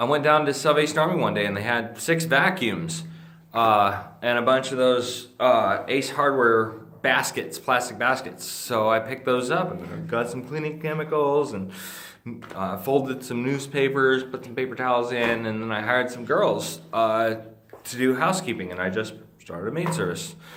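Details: Adult man with Friedreich's ataxia, a degenerative neurologic disease that he says slurs his speech and impairs swallowing. Finding: ataxic dysarthria.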